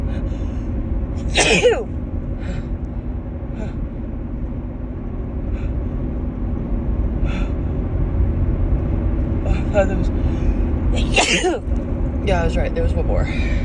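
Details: Two forceful sneezes over steady car engine rumble, with faint breaths between, from a woman with allergy sneezing in mid-March, worse in the car; repeated sneezing fits.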